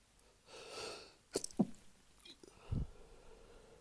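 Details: Early-morning sneezing fit, stifled to avoid waking a sleeping partner: quick breathy intake, then short muffled bursts held back in nose and mouth, with a soft snort after; stifled sneezes.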